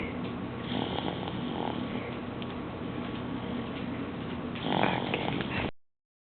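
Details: Person snoring: soft, rough breathing noise runs under steady room noise, with a louder snort near the end, light snoring.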